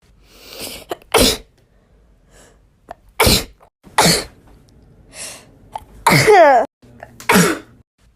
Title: natural sneezing compilation